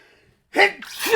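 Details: Acted sneeze by a male reader while reading aloud a story about peppery soup, in a quiet room: a sharp inhaled catch followed by an explosive burst of air.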